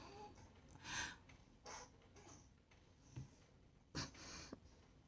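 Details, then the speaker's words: Baby who was crying, given a pacifier, breathes with stuffy nasal congestion that the parent points out. "Can you give him his pacifier, please? And you hear how stuffy he sounds."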